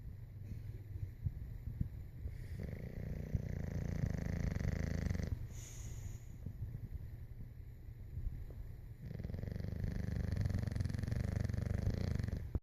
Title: Dozer the bulldog snoring. ..lol